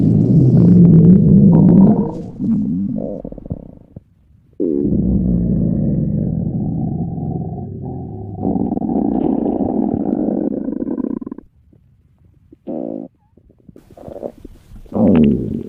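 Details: Long, low gurgling growls and rumbles from an adult's belly: stomach rumbling (borborygmi).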